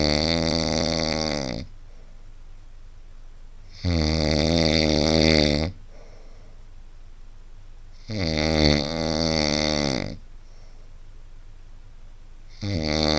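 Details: Adult man snoring: loud, regular vibrating snores on each in-breath, about every four seconds, roughly 14 breaths a minute, with quiet pauses between.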